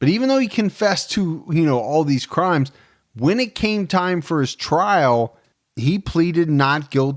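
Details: Adult male speaker; Normal speech.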